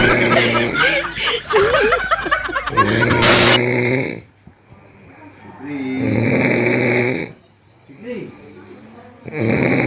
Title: ngorok terindah!ngorok paling keras sekali yg pernah kujumpai😂#short